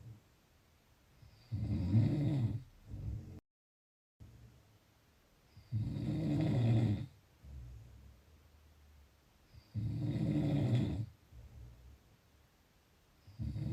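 Low, rumbling snores on each breath in, about 15 a minute, with quieter breaths out between: ordinary snoring.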